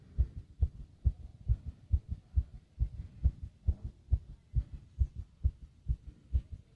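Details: Fast heartbeat with heavy breathing: rapid, regular low heart thumps at about 130 beats a minute.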